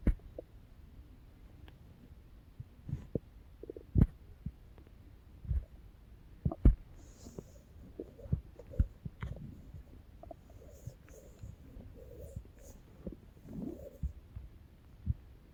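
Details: Stomach growling (borborygmi): quiet low gurgles and rumbles with occasional soft thumps in a hushed room; ordinary stomach growling.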